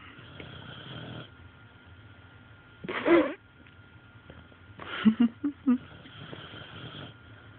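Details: Woman snoring: rough, irregular snoring noises with snorting bursts over a steady background hum.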